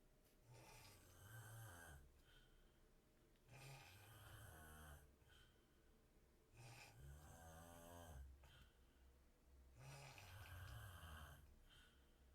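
Deep, rattling snores on each breath in, about 20 a minute, with quiet pauses between; ordinary snoring.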